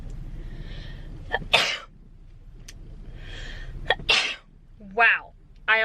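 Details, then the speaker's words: Person with allergies sneezing twice in a row, each with a short inward gasp before the explosive burst, followed by brief voiced sounds. "Okay, I just clicked. Hold on. I'm going to sneeze. Bless me."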